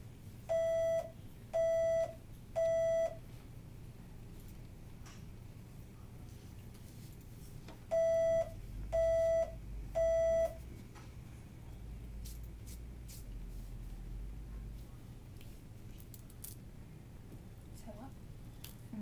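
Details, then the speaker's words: Cochlear implant activation in an 8-year-old girl with hearing loss diagnosed at 15 months, previously using bilateral hearing aids: threshold (T-level) test beeps presented on various electrodes to find her softest detections and set soft levels. "really what we're doing is measuring what are called t levels and the tea levels um help set the soft levels for the implant and so what we're doing now is just looking at what are her softest detections of this information on various electrodes"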